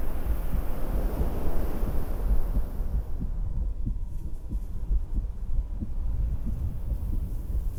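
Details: Woman's own normal heartbeat recorded with a stethoscope while sitting outdoors at a beach house: soft, regular low thumps, partly masked early on by rushing wind.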